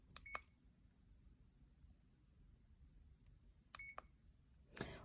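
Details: Short high electronic key beeps, two pairs a few seconds apart in a quiet room, from a CADD infusion pump in PCA mode being programmed for a morphine or midazolam cassette.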